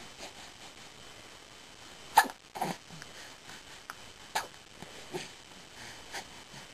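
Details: Hiccups: several brief, sharp, spaced catches in a quiet room.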